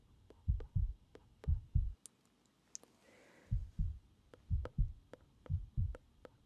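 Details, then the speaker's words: Real heartbeat heard through a stethoscope during medical ASMR roleplay: steady paired low thumps at about 60 beats a minute, with a short gap of stethoscope handling; normal heartbeat. "We're going to do some stuff with the stethoscope. So, I'm going to listen to your heart."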